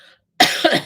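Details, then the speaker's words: Adult woman with a lingering cough she links to seasonal allergies while trees are blooming; she says she is feeling much better. A single abrupt, harsh cough with a quick second push, in a quiet room. "Feeling much better. I do still have a cough, but that's kind of related to my um allergic situation."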